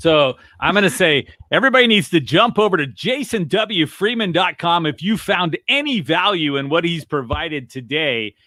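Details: Adult speaker; no speech disorder.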